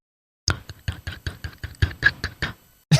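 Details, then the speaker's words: Rapid run of about ten sharp wet clicks as an adult deliberately imitates the involuntary tongue-on-palate clicking they make when falling asleep; tongue clicking (imitated). "Can you hear that? Yeah. That's my tongue hitting the roof of my mouth. I apparently do that when I'm falling asleep."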